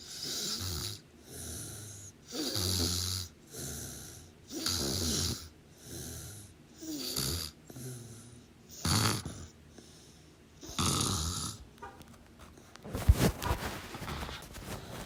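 Repeated rough, rattling snores with each breath during sleep, then a stretch of clattering room noise near the end. Snoring.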